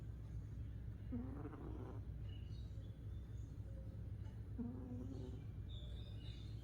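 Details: A sleeping cat snoring: two soft, buzzy-toned snores about three and a half seconds apart over a steady low background hum.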